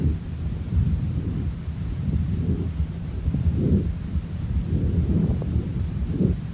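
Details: Horse lung auscultation with a stethoscope on the chest; normal equine lung sounds.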